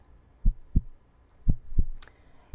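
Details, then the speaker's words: Two slow, deep lub-dub heartbeats, about 57 a minute, illustrating the constant heartbeat sound heard in pulsatile tinnitus, a thumping or whooshing in the ears with each heartbeat. "hear that noise that bubb bubb that heartbeat noise typically you need a stethoscope to hear it but imagine hearing your own heartbeat constantly every second of every day"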